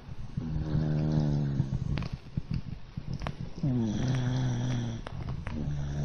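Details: A pet dog lying on its back on its owner's arm as a pillow, asleep and snoring: low, rattling snores in long drawn breaths, two clear cycles with faint room noise between.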